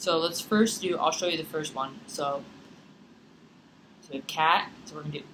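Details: Adult; normal speech.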